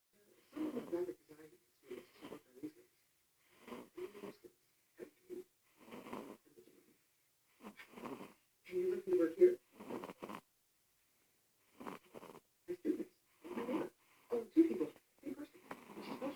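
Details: During an after-lunch nap, soft, rattly noisy breaths come in repeated bursts with pauses between, about 12 a minute; snoring during sleep.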